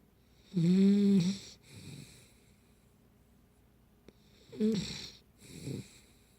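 Two whistling, vibrating snores on the in-breath, each followed by a softer out-breath; snoring in a sleeping puppy.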